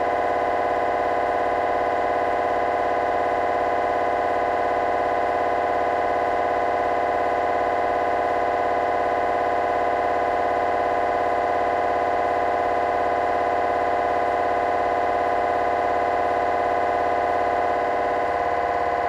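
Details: GE 3T MRI scanner during a petrous bone (Felsenbein) protocol, running a T1-weighted fast spin echo sequence; loud continuous buzzing drone of normal gradient noise.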